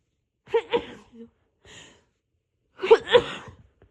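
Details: Self-induced sneezes in a person recovering from a cold, with an itchy nose and voice not yet back: two quick sneezes, a soft breath, then another double sneeze; rapid sneezing fits.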